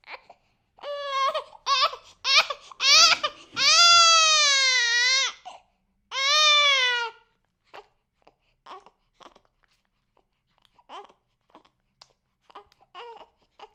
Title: 6 WEEK OLD BABY CRYING SOUND EFFECT, BEST SOUND